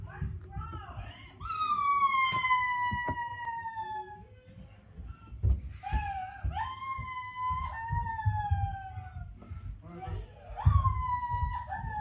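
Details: Child crying: long, falling, wailing cries in several drawn-out bouts with breaths between, over a low room rumble.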